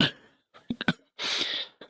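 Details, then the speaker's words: Adult's cough during an illness: a few short, harsh throat bursts and a forceful huffing exhale, with the speaker noting the cough is not ideal. "I do apologize about Friday. As you can probably hear the my cough is not ideal."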